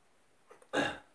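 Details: Sneezing in bed in the morning: a brief intake of breath, then one short, slightly wet sneeze in a quiet room.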